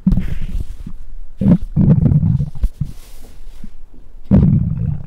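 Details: Stomach growls recorded with a microphone on the abdomen: low gurgling rumbles in several bursts, ordinary bowel sounds of gas and fluid moving through the gut.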